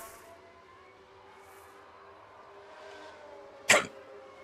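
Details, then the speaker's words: Single sudden, sharp, brief gulping hiccup from a streamer who says he has aggressive hiccups, heard over steady game music and engine hum. "And yeah, I'm sorry. I have some pretty aggressive hiccups right now as you can probably hear."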